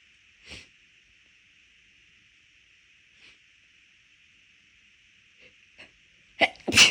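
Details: Run of rapid, big repeated sneezes, the last loud and close together, over a steady background hum; induced sneezing, bigger and easier when the nose already felt off midway through a walk; sneezing.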